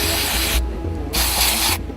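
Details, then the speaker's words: Two half-second bursts of hissing aerosol antibiotic spray applied to a small infected spot on a dairy cow's hoof after trimming, over low rumbling background noise. "so here we just put some antibiotic as spray and it would be enough after the trimming glue is applied on the hoof to hold a wooden [Music] block"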